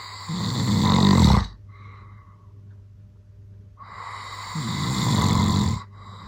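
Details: Adult man (father) recorded snoring while asleep, unaware of recording: loud, harsh rattling snores, two long noisy breaths with a quiet pause between.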